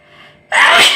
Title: nose sneezing challenge video part-2